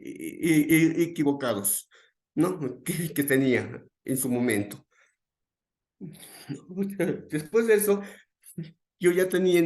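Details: Real adult male who identifies as a person who stutters, after going through a therapy process and a conversation with a psychologist; finding: stuttering.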